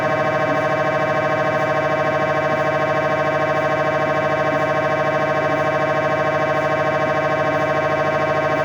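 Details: Live recording from inside the MRI room during scanning: loud, steady buzzing repeating about three pulses a second; normal MRI scanner operating noise.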